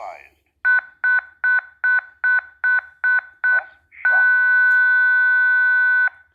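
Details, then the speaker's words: Training defibrillator in AED mode during simulated CPR: it prompts to stop CPR, stand clear and analyse, then charges for a 150-joule shock, with eight evenly spaced beeps and then a steady two-second ready tone. "my right stop cpr it tells me to stop cpr stand clear analyze we'll be shocking 150 joules"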